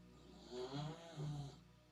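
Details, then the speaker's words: A dog snores with two low, rumbling breaths in under two seconds against a steady room hum: ordinary snoring. "you listen to this soothing sounds of my dog snoring"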